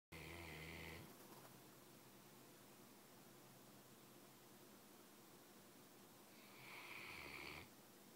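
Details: 3-year-old mastiff dog taking an afternoon nap: two low snoring breaths with a whistling edge, separated by a long quiet stretch over steady room hiss. Snoring.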